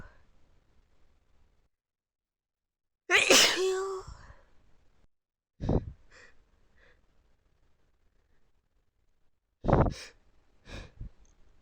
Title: itchy sneezing fit